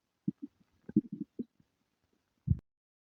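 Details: Bowel sounds (borborygmi) with diarrhea and flatulence: short irregular low gurgles and bubbling pops in a quiet room, typical stomach rumbling from gas and fluid moving through the gut.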